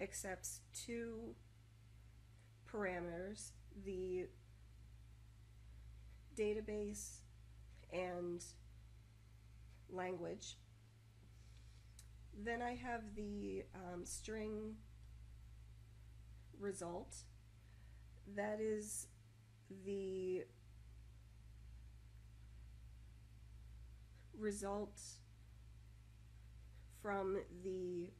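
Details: Adult woman speaking; Stuttering with blocks.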